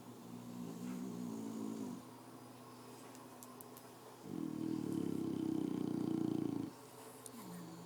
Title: Snoring boxers